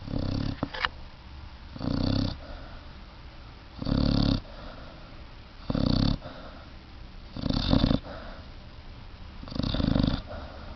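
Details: Puppy snoring very loudly while asleep: loud, rough, low snores repeating at a steady pace of about 30 breaths a minute; ordinary snoring.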